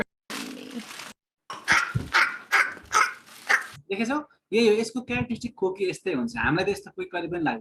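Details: A child's croup cough. The child's lungs are clear and oxygen saturation is 99%, and the cough is noted to be worse at night.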